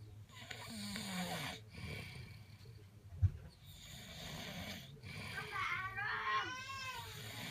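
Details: 4-month-old baby sleeping beside father who snores heavily: rough snoring and snorting breaths from the father, with brief infant fussing toward the end.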